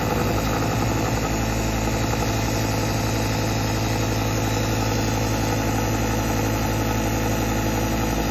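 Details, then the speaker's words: Nasal nebulizer compressor running, producing mist inhaled through the nose for sinus infection (methylene blue, iodine, glutathione, saline, H2O2 solutions); steady mechanical hum with fast regular buzzing pulses. "plug in the tube to the nebulizer machine which looks like this and just press the compressor button here's the mist i'm going to inhale through the nose"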